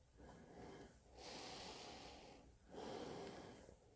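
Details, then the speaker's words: Soft rushing airflow through a CPAP mask (ResMed S, auto setting) swelling with each inhale and exhale, worn by an adult diagnosed with sleep apnea after six months of use; CPAP airflow with breathing. "그래서 이 상태에서 숨을 들이마시며 공기가 들어오게 되고 숨을 내쉴 때도 불편함이 없게끔 오토로 세팅이 되어져 있습니다"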